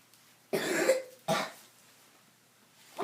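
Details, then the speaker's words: Child coughing; chest muscles tighten when coughing, sometimes something comes up his throat but not out the mouth; no throat pain: two forceful coughs in quick succession, first longer and harsh, quiet room. "but your chest gets real strong when you're coughing and you're tumming it's normal yeah oh yeah that's what that's what makes you cough your muscles tighten up and make air come"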